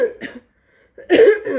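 A brief, low throat clearing, a short pause, then a single harsh, forceful cough burst from an adult recovering from an asthma flare with infection.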